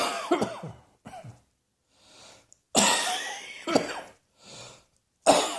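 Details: A run of several short, harsh coughs with quiet breaths between; repeated coughing.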